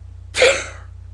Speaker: Well, I'm just going to sneeze. And here comes one.